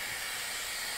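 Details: UCL-Ventura CPAP flow generator running with oxygen dialed in, delivering continuous flow through the disposable circuit while the mask is applied to the patient: a steady, loud airflow hiss with no breaks.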